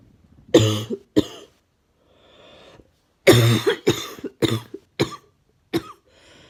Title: Coughing me